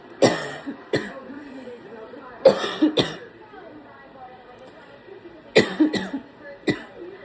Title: Got a little bit of a cough from allergies 🤧